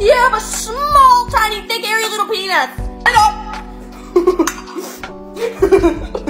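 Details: Young woman diagnosed with Tourette syndrome at the Mayo Clinic at age 18, now 19; clip from a compilation tracing her tic progression, with repetitive phrases and coprolalia-like tics and music in the background; Tourette syndrome vocal tics.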